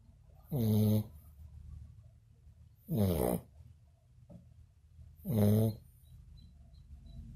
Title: snoring again hahahah 🤣